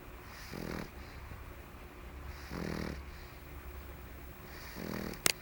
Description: fergie the pug snores for the camera... our poor baby recovering from her mange